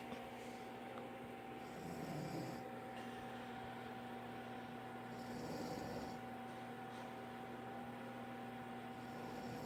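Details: Snoring during sleep from an adult man (father); two soft, rough snoring breaths about three to four seconds apart, partly masked by steady appliance hum.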